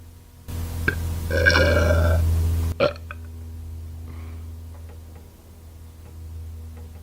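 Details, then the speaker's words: Woman burping: one long, loud, rumbling belch of about two seconds, then a short trailing burp in a quiet room; ordinary burping. "Whew. It's a lot of burps."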